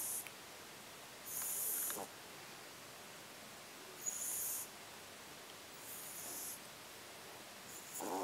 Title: Arry the French Bulldog Puppy Snoring